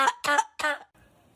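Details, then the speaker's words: Three quick, harsh, voiced bursts in a row, then quiet room noise; a dog's hacking cough, with air conditioning suspected as the cause. "¿Sabes qué? Te voy a llevar al doctor. Bueno, Junior, con esto se le va a quitar la tos."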